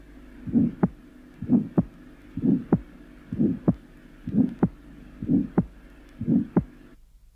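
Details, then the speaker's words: 19-year-old girl with familial hypercholesterolaemia and probable atherosclerosis (slight scarring) of the aortic valve. A short aortic ejection systolic murmur is heard, unlike the long murmur of a stenotic valve: aortic valve sclerosis. "the second is of a 19-year-old girl with familial hyp cholesterolemia and probable atherosclerosis of the atic Val there is nose to nuris present and the murmur is short and A2"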